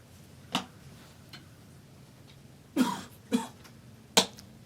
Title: coughing